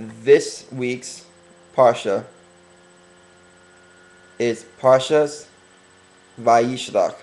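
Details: Stuttering in a male speaker who is working on his stuttering and deliberately talking slower to correct it.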